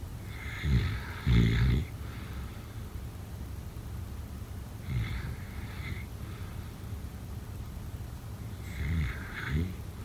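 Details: Low, snorting, fluttery snores in short double bursts about every four seconds over steady background hiss; snoring during sleep.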